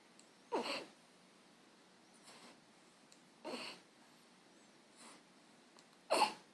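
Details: Person with hiccups after waking in the morning: three sharp, abrupt hiccups at steady intervals of about three seconds, with softer breaths between, in a quiet room.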